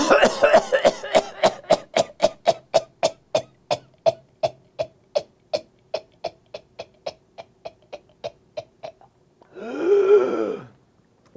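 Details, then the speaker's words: Imitated pertussis cough demonstrated in a lecture: a long run of rapid short paroxysmal coughs ending in a high-pitched inspiratory whoop. "they have that whoop at the end I'm glad it's on tape now so I don't have to do it every single time"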